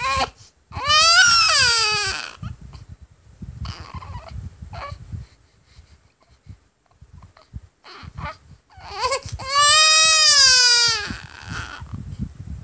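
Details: Infant crying with hiccups: two long, loud wailing cries separated by quieter gasping and fussing; typical infant crying.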